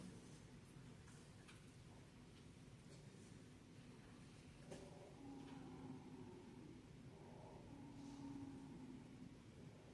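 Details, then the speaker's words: Wheezing lung sound played as a teaching example in an EMT class: faint high musical whistles over low rumbling room noise. "wheezing. Wheezing. I think you know what it sounds like, but we're going to do it anyway. Wheezing lung sound video."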